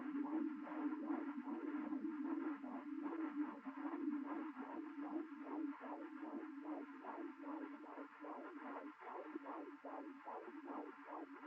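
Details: Fetal heartbeat at 16 weeks of pregnancy, recorded at home with a home Doppler: fast, rhythmic whooshing pulses over a steady electronic hum.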